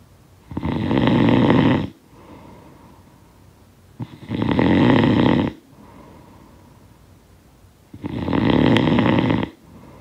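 Three rattling inhaled snores separated by quiet breaths out, about 18 a minute; steady snoring.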